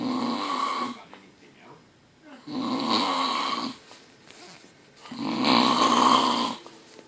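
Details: Very loud, rattling, buzzy snores billed as the world's loudest snorer, three long snoring breaths separated by quieter pauses; snoring.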